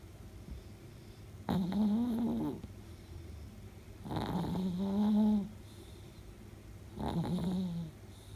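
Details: 10-year-old female Chihuahua–Shih Tzu mix sleeping with her tongue out, snoring: three loud, deep, rattling snores with quiet gaps, about 21 breaths a minute, ordinary snoring.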